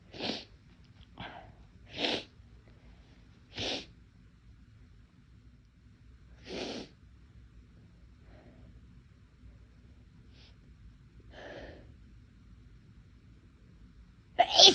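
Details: Person who says they rarely sneeze but whose nose felt more sensitive that day deliberately induces sneezing: a series of short, sharp sneezes with small sniffs between them.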